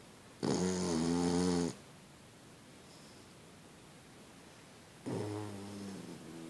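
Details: Boston Terrier dog sleeping soundly in bed, snoring: two loud, droning snores on the in-breath with quiet pauses, about one breath every four to five seconds.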